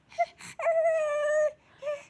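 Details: Infant crying after vaccination injections at hospital, with fever afterward, given paracetamol; brief whimper and short wailing cry in a quiet room.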